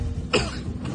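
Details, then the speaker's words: Single short, fairly loud cough over room noise and faint music, acted in an Indonesian comedy skit; one character says they have been coughing since yesterday, another suggests the weather; cough. "Kenapa batuk? Saya tidak tahu, sudah dari kemarin batuk ini."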